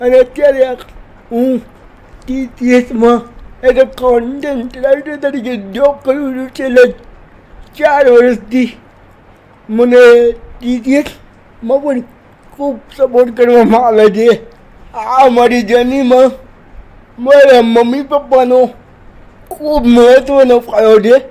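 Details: 30-year-old man speaking Gujarati who says he has cerebral palsy, is 80% disabled and cannot move like a normal person; dysarthria in cerebral palsy.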